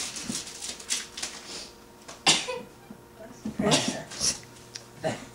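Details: Faint, soft, weak "wimpy little" sneeze during Christmas 2009 gift opening, over quiet room chatter and rustling.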